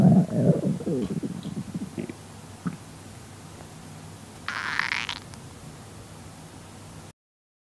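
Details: Low gurgling rumbles fading into quieter grumbles, with a brief hiss of background noise: ordinary stomach growling (borborygmi) from a red panda.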